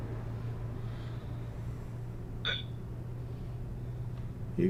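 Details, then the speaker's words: One sharp, brief hiccup-like catch from a streamer over a steady low truck-engine hum during a driving game stream; hiccups. "got hiccups? Yeah. It sounds like it."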